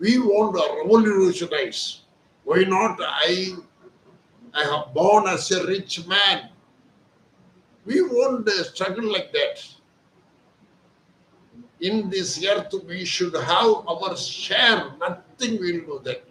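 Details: Adult male speaker; typical adult male voice.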